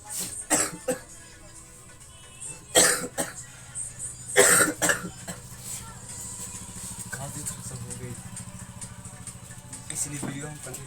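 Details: Heavy coughing from a person who says they have coughed a lot today.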